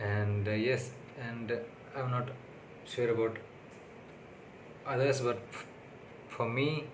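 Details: Adult man with stuttering (stammering), on day six of speech therapy, speaking unscripted in English, which is not his primary language; he found recording difficult that day; stuttering.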